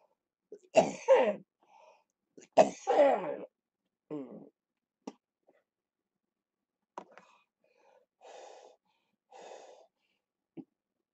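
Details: Productive cough in cystic fibrosis during lower-lobe chest therapy for airway clearance, with rattling in the chest.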